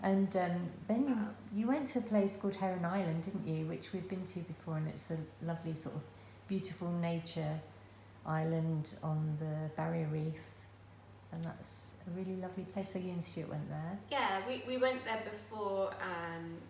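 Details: Adult woman speaking; normal speech.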